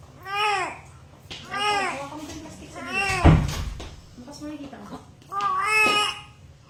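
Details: Newborn baby girl, 3.4 kg, just after a fast normal vaginal delivery: five short rising-and-falling wails with brief breaths between, a vigorous newborn cry.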